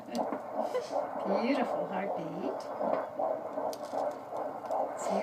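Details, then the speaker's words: Fetal Doppler at 16 weeks of pregnancy: fast, regular whooshing pulses near 158 a minute, nice, even, perfect rhythm; static means baby moving; normal fetal heartbeat (normal range 120–160). "The baby's heartbeat's nice and regular and even. It's perfect rhythm. And normal heartbeat's 120 to 160."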